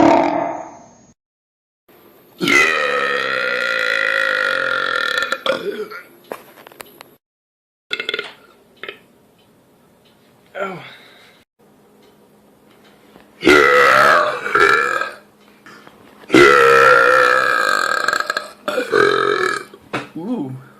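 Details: Loud burp compilation: several long, loud, deep voiced burps with short pauses between them; repeated belching.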